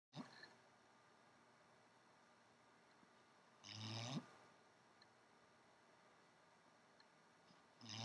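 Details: Female snoring in a quiet room: a few rough, low snoring breaths spaced several seconds apart, about 15 a minute; said to be her quietest, with night-time snoring at least 10 dB louder.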